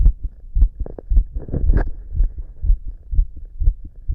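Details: Own heart auscultated with a stethoscope at different chest spots in a person whose heartbeat is usually fast and visible; low, muffled thumps at roughly 120 per minute with some rubbing noise; fast heartbeat.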